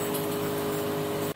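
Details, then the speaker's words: Home nebulizer compressor, plugged into a hotel socket and used at 4:30 a.m. during an adult's asthma attack triggered by chilly, humid weather: steady mechanical hum with a constant tone, then it stops. "So inatake ako ng astma ng madaling araw. So ito mayulizer muna tayo. Dala ko 'to."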